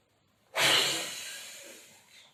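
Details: Physiotherapy practical demonstration of spirometry, nose clipped and breathing through the mouth: a single forceful airy breath through a spirometer mouthpiece that fades over about a second and a half.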